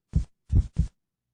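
Deep, clean low thumps in a lub-dub pattern with no extra noise between them: a simulated normal heartbeat, in an otherwise silent clip.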